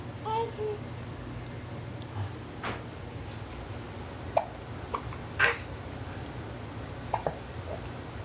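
Faint, brief, abrupt catches recur irregularly over steady room hiss, with soft babble-like sounds; consistent with hiccups.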